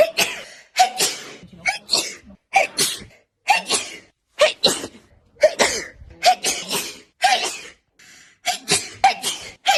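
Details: Sneezing compilation with hay fever jokes: a run of about a dozen sharp, explosive sneezes from different people, each with a quick breath drawn in before the burst.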